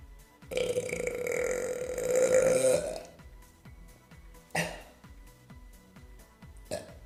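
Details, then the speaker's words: Adult male, burping while eating a bagel and drinking apple juice; one long, loud, croaking burp lasting over two seconds, then two shorter burps, with quiet music behind; burping. "So I'm gonna pause the video until I feel like there's a burp coming."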